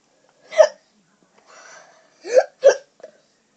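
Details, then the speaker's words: Three sharp, abrupt vocal hiccups in a quiet room, with faint breathy noise between them; water is then drunk to try to stop the hiccups. "What? I think she got me getting the hiccup."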